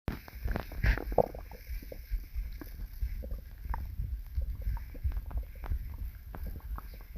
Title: 꼬르륵소리 gassy stomach growling sound